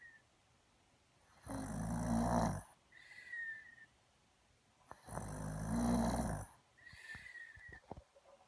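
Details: Deep, rough snores likened to a cartoon bear, about 16 a minute, each followed by a soft whistling breath out; snoring.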